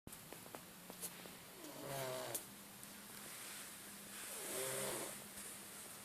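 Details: Cat snoring while asleep.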